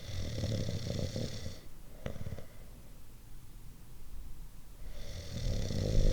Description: Different types of snoring.